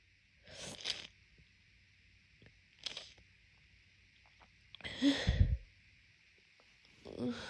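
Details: Several congested, wet-sounding sneezes with sniffing between them on waking before morning medication, in a person with a month of daily morning congestion from seasonal allergies; allergic rhinitis sneezing.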